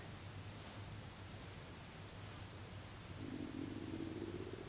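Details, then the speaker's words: An adult woman's stomach gives a low, drawn-out gurgling rumble rising in the last second and a half, in the morning after a run, over faint room hum; ordinary stomach growling (borborygmi). "god can you hear my stomach straight up growling"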